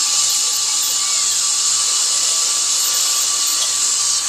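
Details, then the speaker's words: High-speed dental drill with air and water cooling preparing a tooth for a bonded white filling, final stage of drilling; steady high-pitched whine with hissing spray throughout. "Doing very, very well. Okay, and this will be the last of the drilling."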